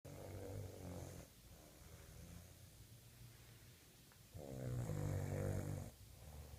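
Low rattling snores on each breath, two clear cycles over several seconds in a quiet room: ordinary snoring.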